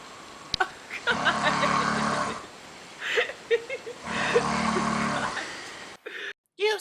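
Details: Dutch man snoring: two long, rough, rattling breaths about three seconds apart, with noisy room sound.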